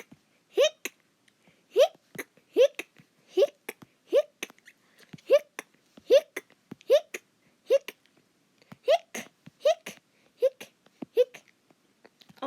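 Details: Acted hiccups from a voiced cartoon-style character: repeated short voiced hiccup sounds, about 76 a minute, fairly regular.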